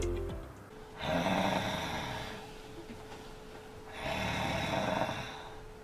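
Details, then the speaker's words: Acted scene of a snoring husband who startles awake gasping as if short of air, with choking-like breathing, restless sleep, morning headache and daytime sleepiness, in a sleep apnea context: two loud, rough snores over a musical tone; snoring. "สามีเป็นคนนอนกลนนะคะเราก็ไม่ได้เอดใจอะไรคิดว่าเป็นอาการปกติของเขาที่ที่ที่กนบ่อยๆอยู่เรื่อยๆนะคะจนกระทั่งเาเริ่มมีอาการแปลกๆคือสะดุ้งเฮือกหายใจแรงเหมือนขาดอากาศอ่ะ"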